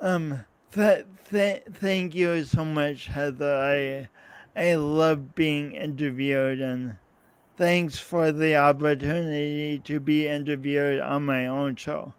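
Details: Man's real speech impediment with coordination differences, self-described; he says practice may make him clearer over the years but the differences persist; speech impediment.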